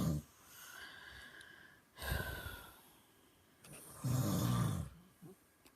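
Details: Three rough, low snoring breaths about two seconds apart with quiet pauses, from a sleeper beside someone who took Ambien and still can't sleep; snoring during sleep.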